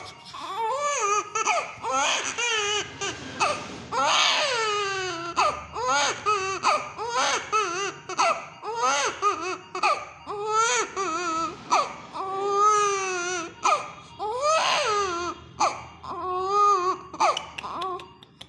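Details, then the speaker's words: A two-month-old infant with a high-grade fever cries in repeated loud, high-pitched, distressed bursts: infant cry with high fever. "यह बच्चा दो महीना का है इसको हाई ग्रेड फीवर है"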